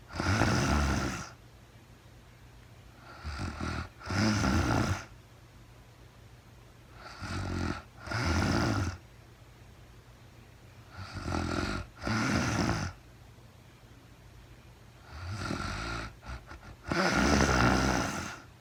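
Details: Real-time recording of a woman asleep at night, no talking, very tired: loud, rough snores in two-part breaths, about 15 a minute, over steady room hum; snoring during sleep.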